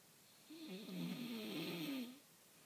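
A single loud, rough, fluttering breath sound of about one and a half seconds, typical of a snore.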